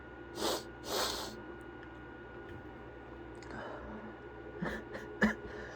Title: Sniffles and sneezes (M)